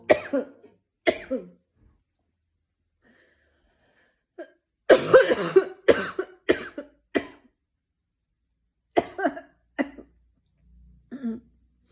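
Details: An adult with a sore throat since the morning gives repeated harsh coughs in several short bouts with pauses between, about ten coughs in all.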